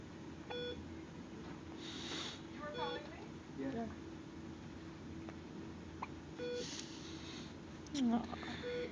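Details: Young girl with hiccups: two short, sharp voiced catches with a falling squeak, several seconds apart, over repeated electronic beeps and faint breathing.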